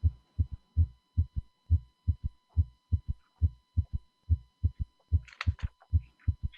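Low, regular heartbeats near 70 a minute with an extra soft thud after the second sound, giving a three-beat gallop rhythm; a third heart sound, with faint hum.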